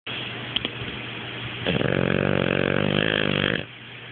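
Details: Wasabi, asleep with half-open eyes, snoring: a loud, coarse, throaty rattling snore lasting about two seconds over steady background noise.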